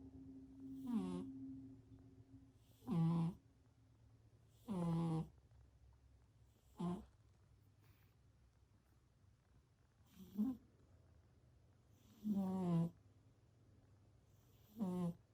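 Short, squeaky, whistling snores about every two seconds, some high-pitched, from a sleeping cat.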